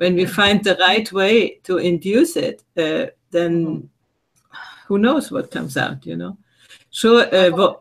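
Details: Adult speaker; Normal speaking voice.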